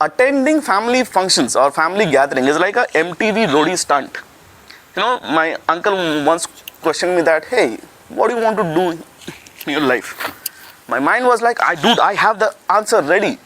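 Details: Stuttering (stammering) in an adult male, describing his own real, long-standing stammer, which he calls a 'manufacturing defect' he cannot fix but has learned to deal with.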